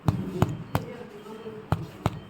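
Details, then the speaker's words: Chronic smoker with massive pleural effusion, suspected malignancy or tuberculosis; finger percussion over the opposite hyperinflated lung gives four sharp taps with a hollow resonant ring, contrasting with stony dullness over the fluid: tympanic percussion note. "On percussion, as this lung is having more hyperinflamed air is there. So this should be a tympanic node."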